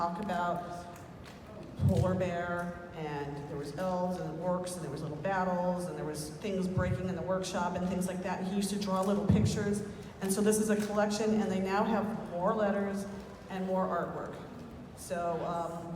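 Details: Adult man speaking; ordinary speech.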